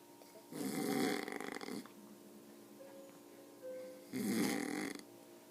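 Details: Elderly man (grandpa), a heavy snorer, asleep with loud rattling snores about 3.5 seconds apart over a steady hum and faint music; heavy snoring.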